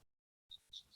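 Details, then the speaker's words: Simulated crackles made by rubbing hair beside the ear: faint, fine, high crackling rustle imitating lung crackles (rales), which point to fluid in the lungs (pulmonary edema). "you hear that sound that's the rails or the crackles that it's fluid in the lungs fluid in the lungs"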